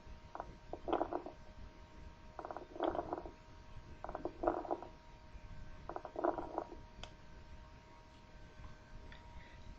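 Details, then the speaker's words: Coarse crackles (estertor subcrepitante), heard in both inspiration and expiration. Bubbling, popping bursts that change with cough, from bronchiole secretions or exudates. A sign of consolidation, as in tuberculosis or acute pulmonary edema. "se modifica con la tos y es un signo también de consolidación pulmonar por lo que lo encontraremos en tuberculosis y edem agudo del pulmón escuchemos un estertor subcrepitante"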